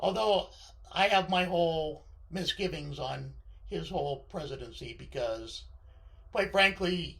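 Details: Male speaker with left-sided vocal cord paralysis following surgery, which limits his voice control; vocal cord paralysis.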